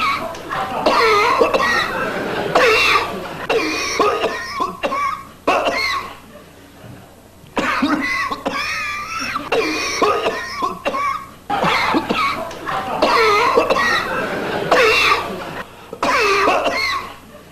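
Repeated bursts of harsh coughing in clusters with short pauses between, about 40 coughs a minute.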